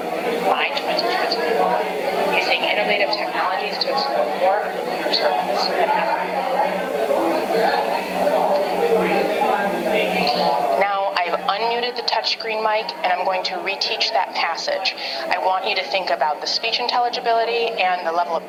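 Simulated hearing-aid listening: loud classroom babble masks speech, then a woman's voice comes through more clearly over the noise once a remote microphone is switched on.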